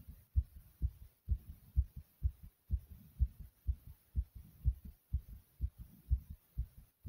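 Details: Own heartbeat recorded after doing several exercises: loud, quick, regular low beats at about 125 a minute; fast heartbeat after exercise.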